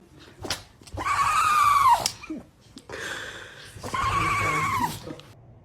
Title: Dogs sneeze #dog #funny #funnyanimals #funnypets #animals #dogsoftiktok #pet #foryou #usa